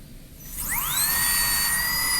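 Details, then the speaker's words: High-speed dental drill whine rising quickly and holding steady as a student starts the lingual chamfer on a canine PFM crown preparation, where the prep is possibly over-tapered. "Yeah, you're just getting started on the lingual chamfer, so you can look this way."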